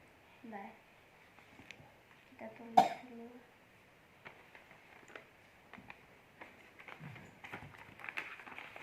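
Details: A sharp single cough burst among brief vocal sounds in a small room from a child who is still coughing while opening a random gift on a Saturday night.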